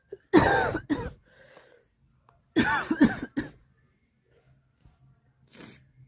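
Two bursts of sharp, harsh coughs, each a quick pair, separated by quiet breaths, then a softer exhale; cough.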